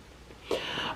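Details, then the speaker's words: Reverse sneezing in a pet dog that has had episodes for years: a sudden, harsh snorting pull of air through the nose, as if pulling in air. "um by the way I looked it up and then our vet told us this just recently that if you have a dog that has reverse sneezing um which it sounds like they're pulling in the air"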